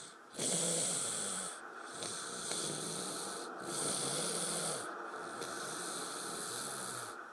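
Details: Snoring: long, rough, wheezy snores over a steady hiss, with brief pauses between breaths, about four cycles in seven seconds.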